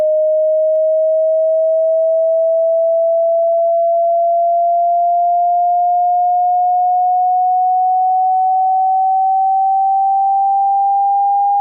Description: Watch Hearing Test and listen very carefully using headphones. The video displays audio frequencies that are being played.